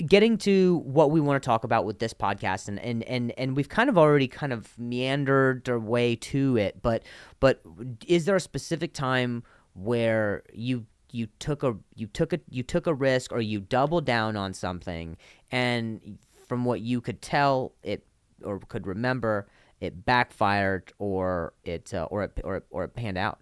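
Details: Adult man who stutters and links his stutter to an injury; real conversational speech with repetitions of words and phrases; stuttering.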